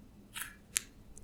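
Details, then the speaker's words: Left knee, clicking for some time, as it straightens from a lunge with weight shifted forward for greater flexion: a brief rustle, then a single sharp click; knee crepitus. "more of my weight is on my left knee and my knee is pushed further forward so the angle of flexion is greater and I'm consistently producing clicks"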